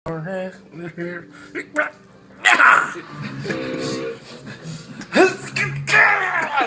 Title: Uncle Funny Sneeze